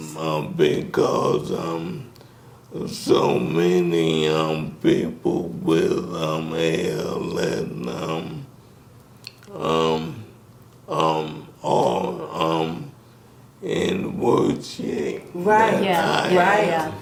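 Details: Dysarthria in a man in his 60s with ALS, diagnosed in 2020 after symptoms began in 2017; the disease first affected his speech, starting with a raspy voice.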